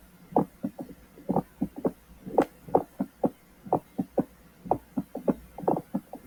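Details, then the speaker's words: Mediastinal crunch (Hamman's sign): crunching, rasping clicks synchronous with heartbeat about 60 a minute, over anterior left hemithorax, as heart strikes air-containing tissue. "el crujido mediastínico es un sonido crujiente y rasposo sincrónico con el latido del corazón sobre el hemitórax izquierdo en la parte anterior cuando el corazón golpea un tejido con aire"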